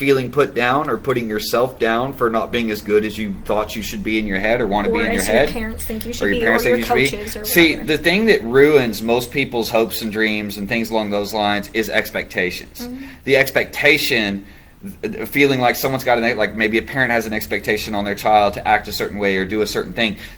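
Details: Adult man speaking; normal speech.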